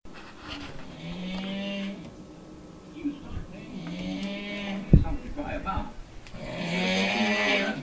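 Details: Adult man snoring in sleep: loud, drawn-out, groaning snores with a moaning, cow-like tone, broken by a sharp knock; heavy snoring.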